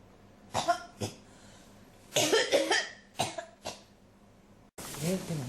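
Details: Persistent cough that won't stop: repeated harsh cough bursts in close succession, with brief voiced sounds between them.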